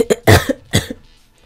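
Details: Cough from a young woman who is sick with a fever, congested, and just woke up.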